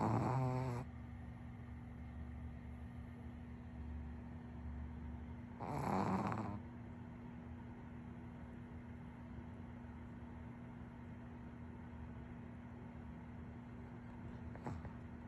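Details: Dog snoring: two brief, rough, snorting snores about five seconds apart over a steady hum.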